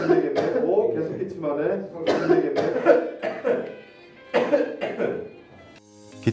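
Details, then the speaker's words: Several short, acted adult coughs from someone saying they feel unwell lately, mixed with voices and background music, recorded as a demonstration for a deep-learning cough-detection camera. "너무 기침한다. 요새 몸이 좀 안 좋아서."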